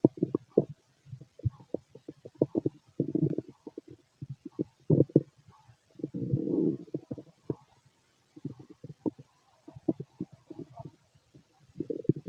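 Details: Irregular low gurgles and bubbling rumbles in bursts with quiet gaps from an adult male's stomach; ordinary stomach growling of a healthy digestive system.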